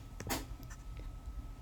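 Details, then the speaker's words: Pet rabbit sneezes during a lecture recording: a tiny, sharp puff of air in a quiet room. "for that noise my bunny sneezed"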